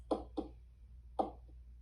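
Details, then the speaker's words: Normal heart sounds in a teaching recording: paired short beats, S1 (mitral and tricuspid closure) then S2 (aortic and pulmonic closure), at a slow regular rate. "S1 is lub, S2 is dub, but you're not going to say lub dub anymore. You're going to say sound 1, sound 2, or S1, S2. So when you listen to the heart, you hear this."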